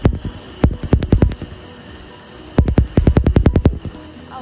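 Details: Laser tattoo removal of a unicorn tattoo on a female shoulder, with cold air numbing the skin: rapid bursts of sharp snapping laser pops, several per second, with faint background music.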